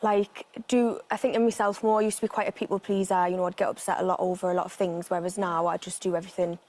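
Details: 26-year-old woman from the West Midlands with functional neurological disorder and chronic hemiplegic migraine; a Geordie-like accent began after a nap during a migraine; functional foreign accent syndrome.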